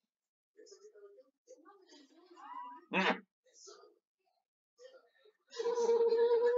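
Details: Vocal tics in a gamer with Tourette syndrome, strange noises recurring during gameplay commentary.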